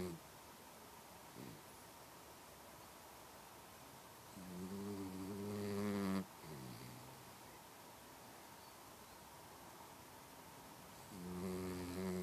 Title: Mouse snores!